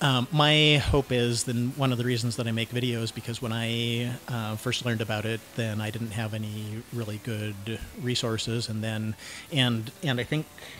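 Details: Cluttering, self-described syntactic subtype, in a 49-year-old man.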